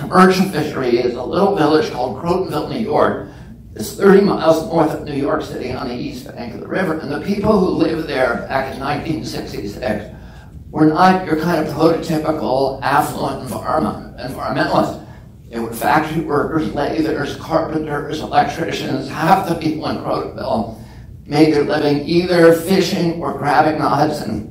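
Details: Adult man with spasmodic dysphonia, which he calls spasmodic dystonia, that makes his voice tremble. Onset at age 42 after a previously strong voice. He says it lessens or goes away after speaking a while and is not painful. Real speech.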